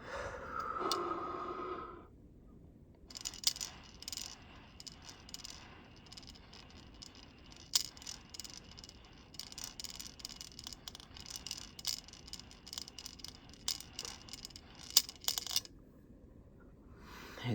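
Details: Deep slow inhalation through an incentive spirometer (two-piece device with mouthpiece), demonstrated aiming to keep the indicator in the smiley-face range; soft sustained breath with light plastic rattling and clicking, producing good volume and lung expansion.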